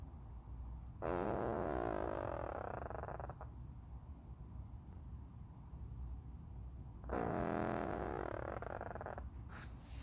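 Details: Old male cat asleep and snoring: two long, fluttery, rattling breath sounds about six seconds apart, roughly ten breaths a minute, with quiet between them.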